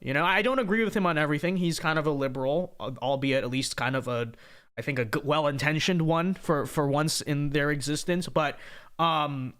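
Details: Adult man speaking; ordinary speech.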